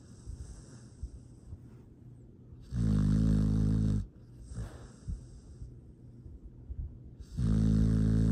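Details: Foster rescue dog snoring in sleep: a loud, rumbling snore on two long breaths about four seconds apart, with quiet breathing between.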